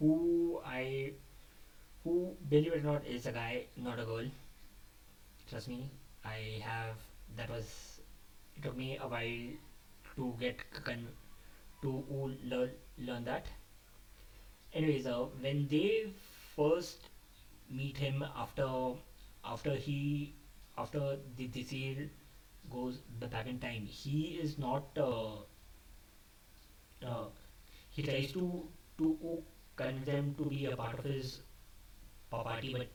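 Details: Adult male who stammers, speaking unscripted, which he says increased his stammering; word repetitions audible. Finding: stuttering.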